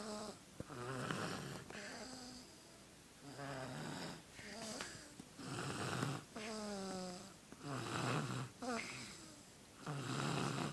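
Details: Baby snoring in sleep: repeated nasal, whistly snoring breaths, about 27 a minute, some with a squeaky tone, in a quiet room.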